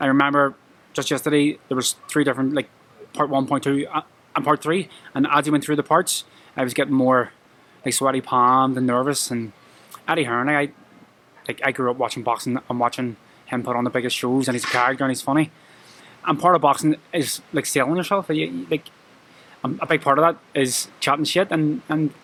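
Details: Adult male professional boxer with a lifelong stammer present since childhood that he struggles with every day; it worsens with nerves, e.g. at press conferences. Finding: stuttering.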